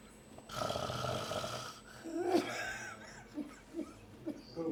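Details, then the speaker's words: Snoring during sedated flexible nasendoscopy without throat anaesthesia, with the scope passed through and beyond the velum and collapse seen. A harsh, rough snore lasting about a second is heard over a noisy room; minimal lingual tonsil, about grade one. "you can see the warangel collapse can you hear the snoring I think hand mic is not working"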